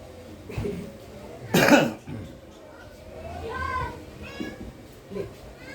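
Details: Cat that had a cough for a week and is now recovering gives one loud, harsh cough burst with softer hacking around it and faint voices in the background.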